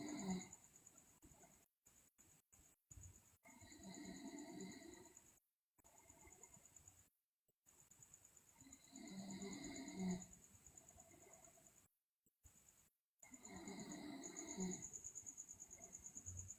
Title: Sleeping Girl Loudly Snore, Teeth Grinding, Delirious